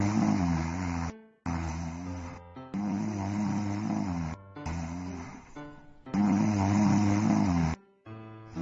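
Loud, rough snores of about a second each, repeating with short pauses over background music. This is typical snoring.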